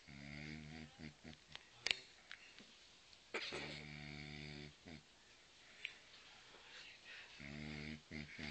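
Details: Buzzing, rumbling snores recurring every few seconds with faint hissing breaths between, from a sleeping animal, probably a dog; snoring.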